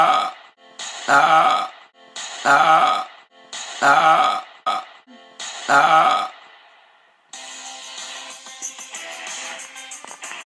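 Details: About five loud, drawn-out voiced burps in a row, then background music; burping.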